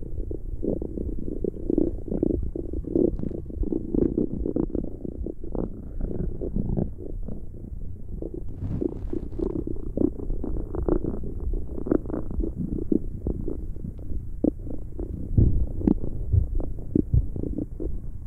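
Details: ASMR recording made close to the belly: continuous low gurgling and rumbling with bubbling pops, ordinary stomach growling (borborygmi) from gas and fluid moving through the gut.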